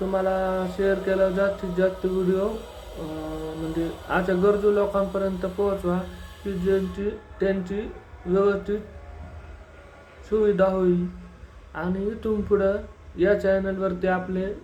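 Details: Young man, deaf since childhood, who learned to speak and is now a final-year pharmacy student, speaking Marathi: speech of a person with hearing loss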